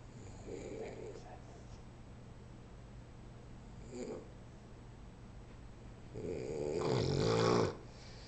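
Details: Sleeping animal snoring: soft breathing sounds building to one louder, rattling snore near the end.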